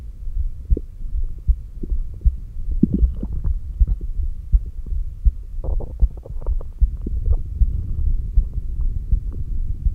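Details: Normal heart sounds recorded by stethoscope at the apex during exhaled (stomach vacuum) and inhaled breath-holds: low thuds at about 78 a minute, partly masked by rubbing and breath noise, with SpO2 monitored by oximeter.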